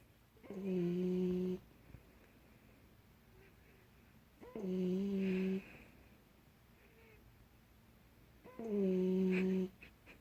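Three long, tonal, humming snores about four seconds apart, with quiet room noise between; a sleeping puppy snoring.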